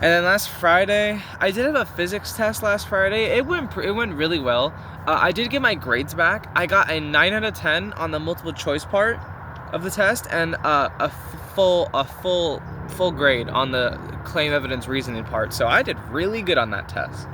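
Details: Teenage male who reports stuttering a lot and using fillers, and is trying to change it; stuttering (mild disfluency).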